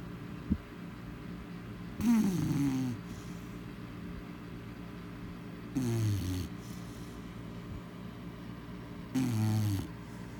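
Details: Female chow chow dog sleeping, giving three snorting, rattling snores at about 16 per minute with quiet room noise between them: dog snoring.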